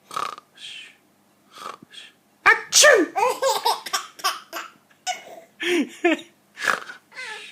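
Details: Adult giving a series of exaggerated 'achoo' sneezes while a 4-month-old baby answers with bursts of giggling laughter.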